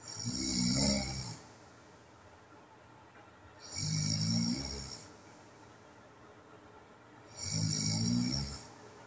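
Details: Loud, harsh snores with hissing, about one every four seconds, separated by quiet gaps; adult self-recording of heavy snoring with sleep apnea.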